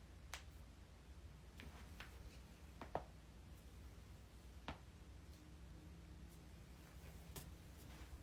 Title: joints cracking